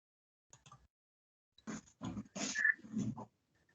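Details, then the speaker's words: Respiratory semiology teaching example of Biot's breathing: brief breaths, a pause of apnea, then breathing speeds up again in a quick cluster; irregular breath groups separated by apnea. "La pausa y vuelve a acelerarse. Entonces ahí tenemos una característica, ¿no? La pausa y se vuelve a acelerar."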